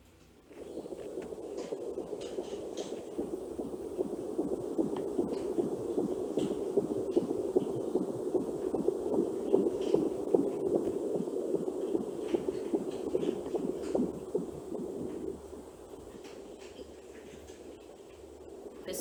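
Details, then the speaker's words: Fetal heartbeat picked up by a pregnant woman with an Angel Sounds home fetal Doppler: rapid, regular whooshing pulses, about 150 beats a minute. "acho que vocês conseguiram ouvir essa gambiarra que eu fiz deu certo mas mesmo assim eu vou mostrar pra vocês aqui pelo computador o que eu consegui gravar tá bom"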